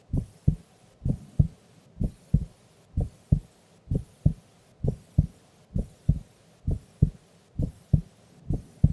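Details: Female recorded asleep during an afternoon nap: steady paired lub-dub beats at about 66 a minute, clear and regular; normal heart sounds.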